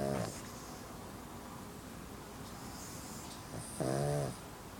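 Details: Pug asleep and snoring: two short voiced snorts, one at the start and one near the end, with quiet breathing between.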